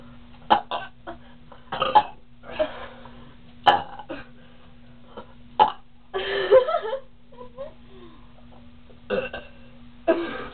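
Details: Two girls burping deliberately as much as they can after drinking cream soda: repeated burps, about eight or nine in ten seconds, some long and drawn out, faint background noise.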